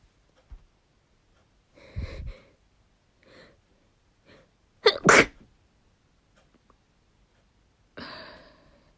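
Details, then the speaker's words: Female inducing sneezes, nose running: soft hitching breaths building to a loud double sneeze, then a breathy exhale in a quiet room; ordinary sneeze. "uh yeah this is working i'm going to sneeze ah i'm gonna sneeze i'm really snowy i can feel myself getting really wet as well"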